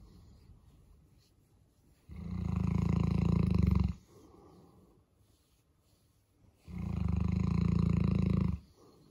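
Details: A big Boerboel dog sleeping in on a Monday morning: two long, deep, rumbling snores on the in-breath, each about two seconds, with quieter breathing between; dog snoring.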